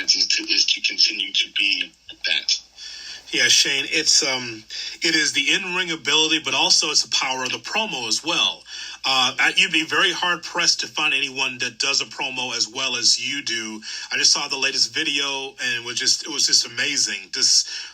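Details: Adult man speaking; typical speech.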